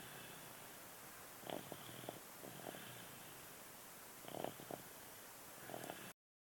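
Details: Light snoring: quiet snorting snore bursts over steady room hiss, about one every few seconds.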